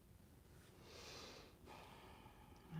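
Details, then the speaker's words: Older female dog snoring while asleep, snoring more as she ages: a quiet, noisy snoring breath, a brief pause, then the next breath. "Can you hear my dog snoring? The older she gets, the more she snores."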